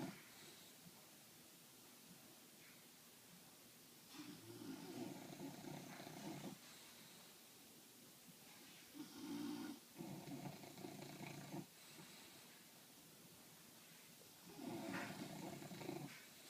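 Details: Two sleeping English bulldogs snoring very loudly: loud, rough snoring bursts recurring every few seconds over a steady hiss.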